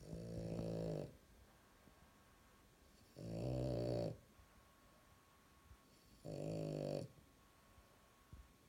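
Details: French bulldog snoring loudly while asleep: loud, rattling snores, about three breaths in nine seconds, with quiet pauses between.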